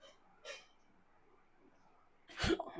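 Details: Two abrupt, sharp voiced hiccup-like gasps a couple of seconds apart, acted for a comedy sketch in which a mother tells her son to drink water to stop his hiccups; simulated hiccups.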